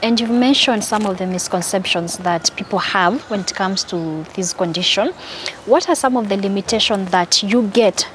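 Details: Adult woman; typical speech.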